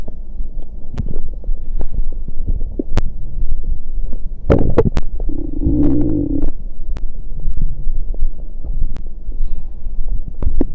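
Low rumbling and gurgling with a longer drawn-out growl midway over steady low background noise. Ordinary stomach growling.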